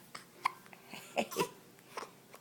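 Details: Hiccups: several short, sharp vocal catches a few tenths of a second apart in a quiet room.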